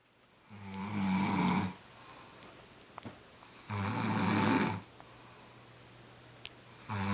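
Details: Adult man snoring after a birthday celebration, very loud, starting about five seconds after lying down and lasting around 30 minutes: loud, rattling snores on each breath in, about three per ten seconds, with quiet gaps; ordinary heavy snoring.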